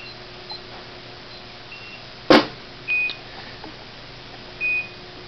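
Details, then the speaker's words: Hospira Plum A+ infusion pump alarm after being idle two minutes during preventive-maintenance test: loud click followed by short electronic beeps in a quiet room. "here we go we got a pump that's been in idle for two minutes so the alarm has sounded"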